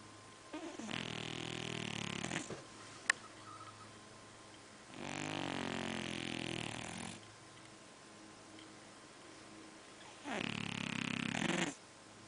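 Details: Overweight sleeping cat snores in three long, rough, rasping breaths, roughly one every four to five seconds.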